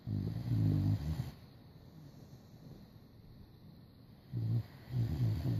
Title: Boxer snore